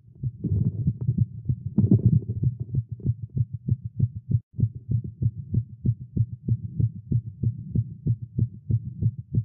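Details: Male heartbeat during exercise after caffeine, tagged as irregular heartbeat: rapid, strong thumping beats in quick succession; a fast heart rate.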